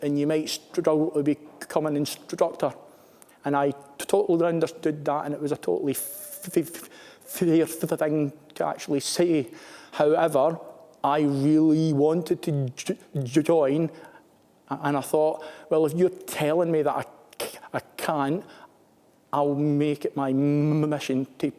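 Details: Stuttering (stammering) in a male British Armed Forces serviceman who stammers.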